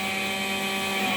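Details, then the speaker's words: Steady high-pitched turbine whine with constant hum from an early prototype open-source turbine ventilator in pressure support mode, peak pressure about 5 cmH2O, inspiratory time 1.5 seconds, ventilating a test balloon. "as you can see this is the pressure support mode of our the ventilator and is maintaining the peak pressure is about five centimeter h2"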